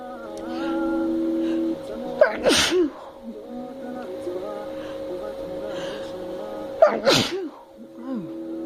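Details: Adult woman sneezes twice forcefully, each sneeze preceded by a quick inhalation, after trying snuff and a rolled paper towel in the nostril to induce sneezing; background music.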